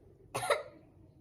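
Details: Role-play of a female COPD patient taught effective cough: deep breath in, held two seconds, then one forceful, deliberate cough in a quiet room to clear sputum.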